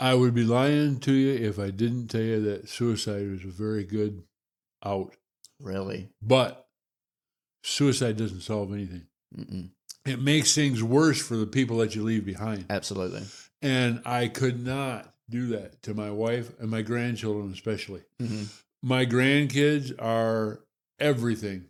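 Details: Adult man with Parkinson's disease, diagnosed about six years earlier; finding: hypokinetic dysarthria (Parkinson's disease).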